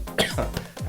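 A single short cough bursts out over background music, abrupt and unforced.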